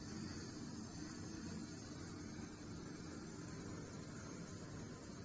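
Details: ADS extraoral dental suction system running in a dental surgery: steady low roar and airy rush of a continuously running suction fan.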